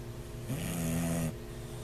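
A single low, droning snore lasting about a second, with a steady rumbling tone: a typical snore from a flat-faced dog.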